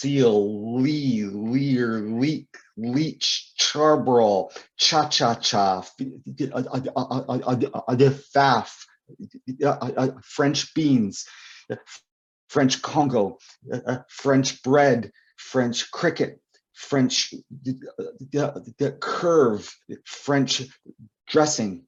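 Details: Adult male poet and author who describes himself as a person who stutters; stuttering.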